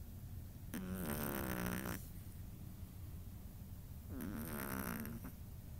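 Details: A sleeping Chihuahua snores: two drawn-out, fluttering, buzzy snores on the in-breath, about three seconds apart, with quiet pauses between them.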